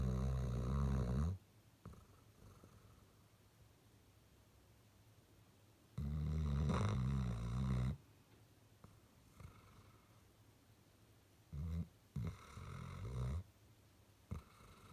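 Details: Penny, a female Great Dane dog, snoring like her dad (so her mum says): deep, loud, fluttering snores of about two seconds each, separated by quiet pauses in a quiet room.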